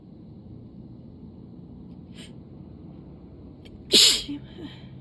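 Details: Start of a sudden sneezing fit: a single sharp, loud sneeze after a quiet stretch, with a soft catch of breath before it.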